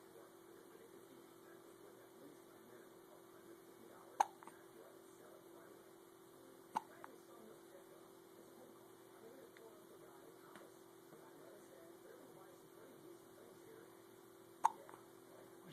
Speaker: Well, who's got the hiccups?